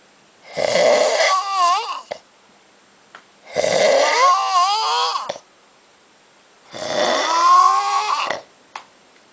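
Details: Man sleeping after a night of drinking at Oktoberfest 2008 in Munich: three loud, drawn-out rattling snores with a rising, groaning pitch, about one every three seconds; heavy snoring.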